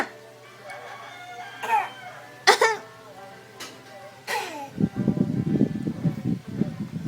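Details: Simulated cough: a mother coughs and clears her throat over music while playing with her two young children before their afternoon nap, then a child playfully imitates her cough.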